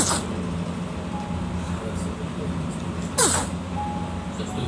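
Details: A single brief, sharp baby sneeze over a steady low engine or vehicle hum with faint background sounds.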